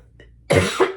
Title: Flosstube #253 - Sorry for all the coughing.